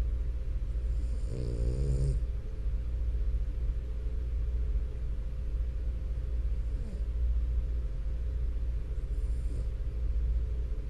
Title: French Bulldog Snoring For 10 STRAIGHT MINUTES!! ASMR